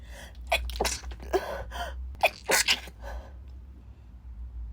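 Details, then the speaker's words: Sneezing fit in a woman who says she never sneezes: several quick, explosive sneezes in close succession with sharp in-breaths between them, in a small room; sneezing. "yeah sorry sorry about that those came out of nowhere really they came out of nowhere oh [ __ ] oh this is just really weird because I I never sneeze"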